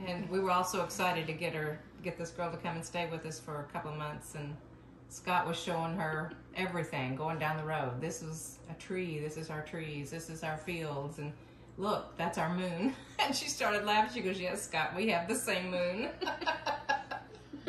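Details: Adult woman; typical speech.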